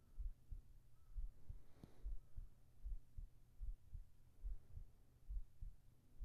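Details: Binaural ASMR sleep recording with heart sounds: soft, steady low thumps in paired beats, about 70 a minute, under a faint hum; a calm, regular heartbeat.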